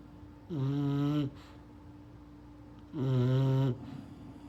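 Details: English bulldog puppy snoring: two drawn-out, buzzing, tonal noises on breathing separated by quiet, in a small room.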